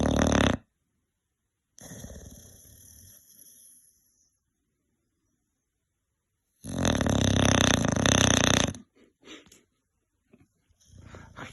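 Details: Old Tyme Bulldogge female snoring in the evening, worn out after a day caring for daycare puppies.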